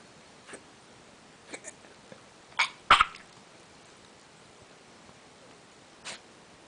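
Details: Dog coughing: a quick cluster of two or three short, harsh coughs, with a few fainter bursts before and after in a quiet room.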